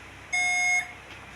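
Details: Meril diode laser with fiber attached, switched from standby on a grade one setting and fired by foot pedal: a single steady high-pitched electronic tone lasting about half a second, the laser firing beep.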